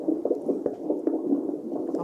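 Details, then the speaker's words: Normal fetal heart sounds on Doppler in a twin pregnancy: fast, regular whooshing pulses of one twin at about 148 beats a minute, within the normal 120–160 range. "Il a un rythme de base qui est parfait, il est à 153 là, donc c'est entre 120 et 160."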